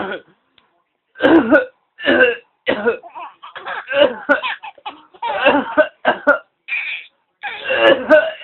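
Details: A father fakes choking and coughing to make his baby daughter laugh; imitated cough.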